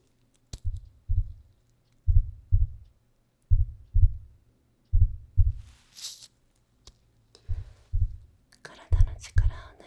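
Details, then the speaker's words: Simulated stethoscope heartbeat in an ASMR headache-clinic roleplay: soft, deep paired lub-dub thumps, about 43 a minute, with a rustle near the end. "Tout d’abord, écoutez les battements de cœur."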